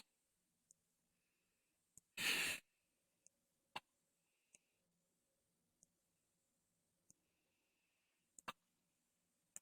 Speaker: Poor baby has hiccups.